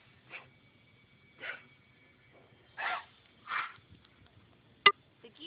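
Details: A female dog coughing: four short, breathy, hacking coughs about a second apart in a quiet room.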